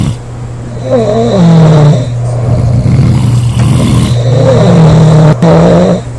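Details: Heavy snoring from three sisters aged 19, 24 and 25: loud, rumbling snores with a whistling, tonal edge in long swells over a steady low background hum.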